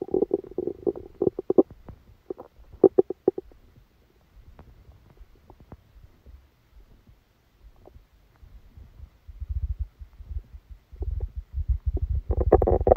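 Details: Bubbling, squeaky gurgles and low rumbles from the belly with quiet gaps: active bowel sounds during a stomachache after Christmas dinner, recorded while the person slept.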